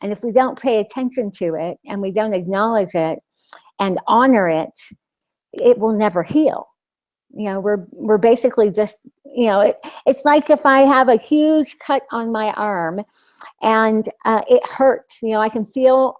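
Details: Lisp in an adult woman after losing her tongue (glossectomy); she describes the lisp as very obvious to herself and others.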